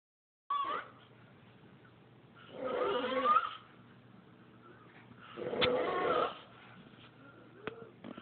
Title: Snoring Like a Little Bitch